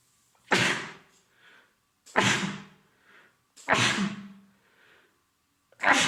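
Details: Man with a common cold (congested, runny nose, sore throat): four explosive sneezes in quick succession, each with a short voiced tail.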